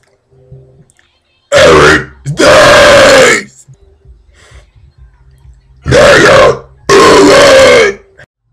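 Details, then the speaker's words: Deliberate burping of names: four loud, drawn-out voiced belches in two pairs with quiet gaps between. "all right today I'm going to burp first I start with aric"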